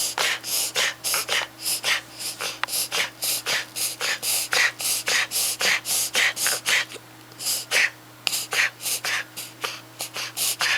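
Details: A dog makes rapid, repeated harsh snorting breaths in a sustained run, possibly a reverse sneezing episode.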